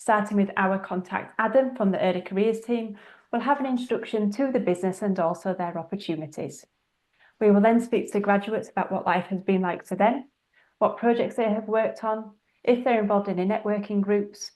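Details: Adult woman speaking; normal speech.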